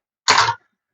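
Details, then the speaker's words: Adult with severe allergies (dogs, cats) whose throat feels clogged gives a single short, harsh throat-clearing burst. "So, the reason you hear me doing that is my throat always feels like it's clogged up due to allergies."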